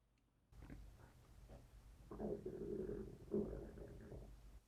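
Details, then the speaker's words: Hungry stomach picked up by a Comica Vimo S wireless smartphone microphone during a recording test; low gurgling, growling rumbles; ordinary hunger stomach rumbling (borborygmi). "뭐야 배가 고픈가 꼬르륵 하네"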